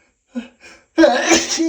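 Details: Male sneezing: two quick indrawn breaths, then one loud explosive sneeze, part of a long run of repeated sneezes that keep coming.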